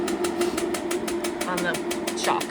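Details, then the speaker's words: Shockwave therapy on a 5-year-old Thoroughbred horse (16.3 hands) rehabbing off the track, applied to the pelvis with castor oil, near 1,500 shocks: rapid regular clicks about six a second over a steady hum. "yeah you could hear that now if it's too intense I can go down and we are at almost 1,500 shocks because we're doing it on the pelvis"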